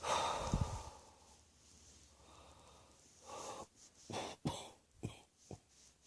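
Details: A bout of repeated coughing: an initial harsh burst, then a breathy pause and several short, sharp coughs in quick succession.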